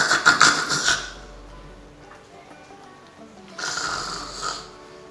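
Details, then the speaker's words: Imitated snoring as an oral-motor (praxis) speech exercise: two harsh, rattling snore-like bursts separated by a quiet pause, soft music in background. "y también podemos hacer como cuando alguien está roncando han visto alguien roncando"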